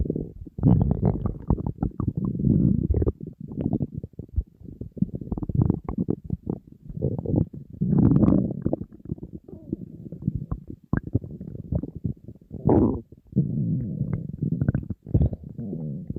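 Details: Borborygmi from an empty stomach of a hungry person on a diet, near food: long, low gurgling and rumbling, nearly continuous with brief pauses.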